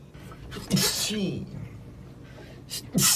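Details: Young male idol sneezing during a broadcast; a short voiced sneeze with a sharp hissing burst, then another sharp burst at the end.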